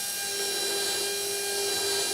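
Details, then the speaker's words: Steady high-pitched whine of a surgical drill: 1.2 mm drill with 12 mm drill stop preparing an osteotomy for one of four SATURNO narrow-diameter implants in the anterior lower jaw, demonstration. "next step is as i take my 1.2 on a 12-millimeter drill stop and i line up according to where i'm going to bodily position my implant using my drill stop as a guide"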